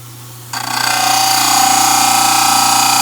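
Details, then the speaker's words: Loud, steady grinding whine with a rapid pulsing rasp as a model trimmer adjusts one side of a dental stone study model. The corners were just rounded and occlusion checked against the opposing arch; model trimmer grinding. "I think I'm going to adjust this side just a little bit more."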